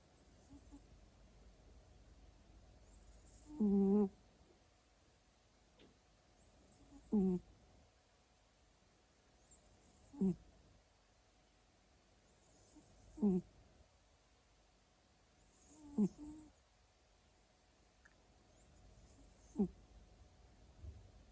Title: Tuxedo cat snores loudly on his favorite chair